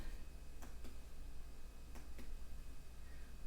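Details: In a demonstration physical assessment with the patient lying down, four short, hollow finger-percussion taps over the abdomen go from the right lower to the right upper quadrant and then the left side, giving a normal tympanic note.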